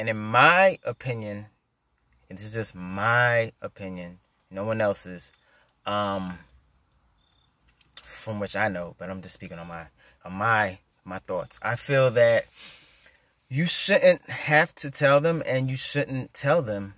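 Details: Adult male who stutters and who used to tell people he stutters before speaking; stuttering.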